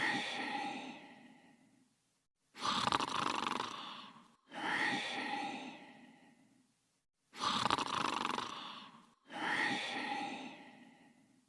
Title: Dodger & Cooler Sleeping & Snoring